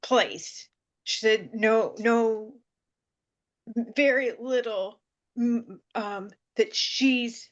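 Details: Woman with aphasia following seizures who reports it takes her time to get the word and that she is getting better; aphasia.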